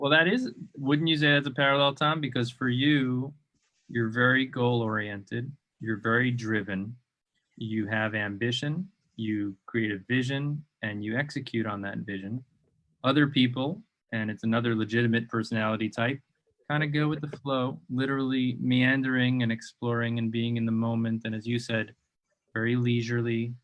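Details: Adult man speaking; fluent conversational speech.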